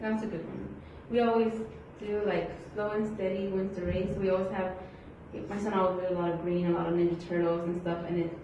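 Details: Adult woman speaking; typical speech.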